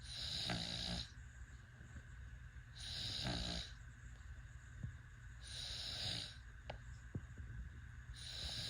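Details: Sleeping baby: soft, rhythmic snoring with each breath, about 23 a minute, in a quiet room; infant snoring.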